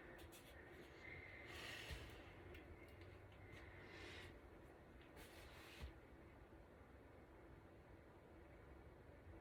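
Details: Normal breath sounds during a head-to-toe assessment: soft, even breaths with brief airy rushes every couple of seconds over quiet room noise, no wheeze or crackles.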